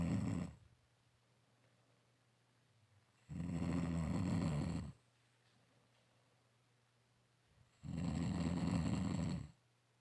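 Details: Loud, low rattling snores about a second and a half long with quiet pauses between them, about 13 breaths a minute, recorded in a dark room; snoring.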